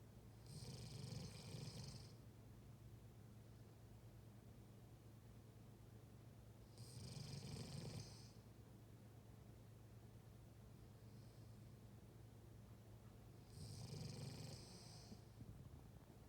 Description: German shepherd husky’s snoring sound.